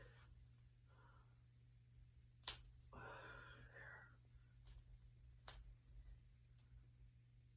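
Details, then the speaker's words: Knuckle and finger cracking after getting home from work: a few sharp, isolated pops from the fingers with some rustling against low room hum. "Anyways, I'm going to go ahead and crack them. Oh, you better crack."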